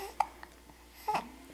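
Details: Infant girl with hiccups: two brief, sharp hiccup sounds about a second apart, with faint babbling in a quiet room.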